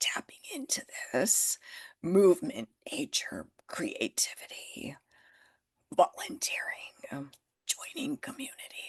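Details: Adult woman with spasmodic dysphonia that developed after stress and illness, still audible in her voice; managed naturally, declining Botox; spasmodic dysphonia.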